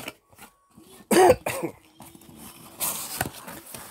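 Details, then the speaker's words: A couple of short, harsh coughs with throat clearing from an adult man sick with flu-like illness in summertime, amid quiet room sounds and faint talk. "i can't believe i'm sick man let's see i got like i feel like the flu and then summer time this is crazy i'm gonna keep coughing"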